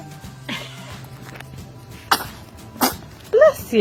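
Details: Infant girl sitting up gives three short, sharp sneezes, then a brief vocal sound, against quiet room noise and faint music; sneeze.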